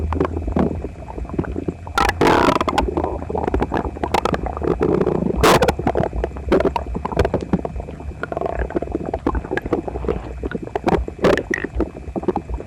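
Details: Loud, busy gurgling, squelching rumbles and sharp pops from a visibly uncomfortable person's belly, recorded by pressing a phone to it after a breakfast of toast, eggs and milk; his stomach had been upset a few nights earlier. Very loud borborygmi.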